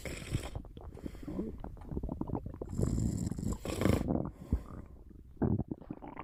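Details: Snoring during a short nap, with stomach sounds noted: rough, fluttering breathing rising and falling over a few seconds; snoring.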